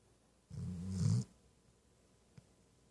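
One low, rumbling snore lasting under a second in a quiet room, then a faint tap: a puppy snoring.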